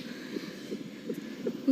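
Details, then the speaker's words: Simulated scene from a TV drama: regular soft whooshing pulses at about 160 a minute as a pregnant woman who hasn't felt the baby move for a day and a half is checked; reassuring fetal heartbeat on Doppler. "Let me show you baby's heartbeat. That should reassure you. If we have a listen down here, that's baby's heartbeat. So, we know he's alive."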